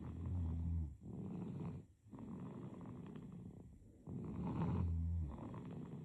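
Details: Sleeping baby: low, rattling snores on each breath in, about three breaths over six seconds, with quieter pauses between; infant snoring.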